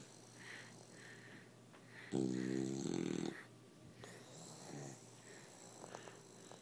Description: Our 7 month old bulldog snoring in my arms.